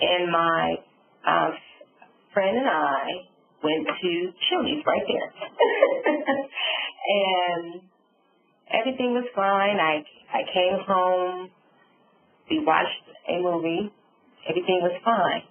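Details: Adult female stroke survivor with aphasia and apraxia after a subarachnoid hemorrhage and stroke, with word-finding difficulty; aphasia and apraxia of speech.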